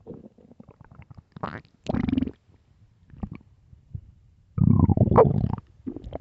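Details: Extremely loud, deep stomach growls from an empty stomach: gurgling growls in uneven bursts, with one long rumble near the end; borborygmi.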